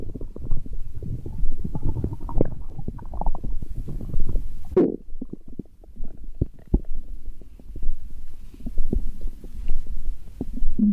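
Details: Stomach growling: bowel sounds (borborygmi).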